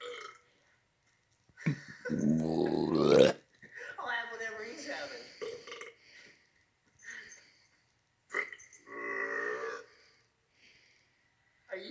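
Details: Acted cartoon burping from a 2002 Scooby-Doo production, not real: long, loud, drawn-out belches alternating with cartoon voices during a burping challenge.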